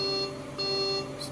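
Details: Two clear electronic beeps from a Maquet Servo-s ventilator during its pre-use internal self-test sequence, an expected normal alert.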